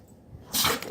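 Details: Dog sneezing: after a quiet moment, one short, sharp, hissing burst of air through the nose, a single sneeze.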